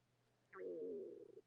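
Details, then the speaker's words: Stomach growling (borborygmi) of an adult woman shortly after eating udon: brief low gurgling rumble lasting about a second. "that's my stomach I hope you hear that"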